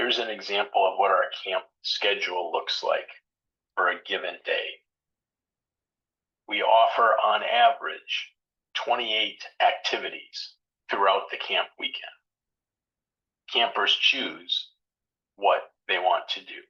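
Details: Adult male speaker; ordinary speech.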